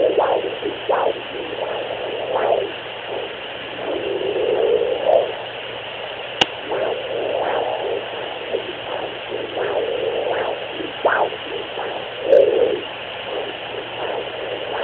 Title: Fetal doppler sounds. What am I hearing?